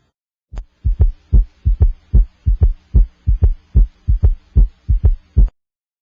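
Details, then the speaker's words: Normal heart sounds at the apex, heard with an electronic stethoscope during breath-hold after exhalation: regular S1 and S2 about 75 a minute, no S4 gallop before S1 and no S3 gallop after S2. "I cannot hear an S4 Gallop for S1 and I do not hear an three Gallop after S2"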